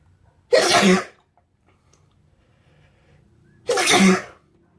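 Two loud, explosive sneezes about three seconds apart, with quiet between them.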